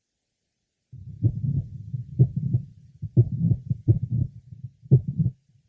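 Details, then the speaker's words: Patient with Marfan syndrome and mitral valve prolapse, at the apex: heartbeat about 60 a minute with a systolic click introducing a late apical systolic murmur; occasional premature beat. "our next patient with Maran Syndrome has a systolic click introducing a late apical systolic murmur an occasional premature beat is also"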